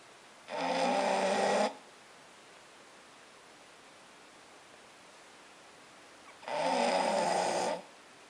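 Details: British Bulldog snoring while asleep using a Boxer as a pillow: two harsh, rasping snores about six seconds apart, around ten breaths a minute; noisy flat-faced dog snoring.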